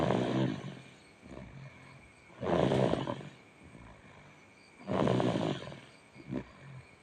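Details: Young child asleep, snoring: loud, rough rattling snores on each inhalation, about 25 a minute, with quieter exhalations between.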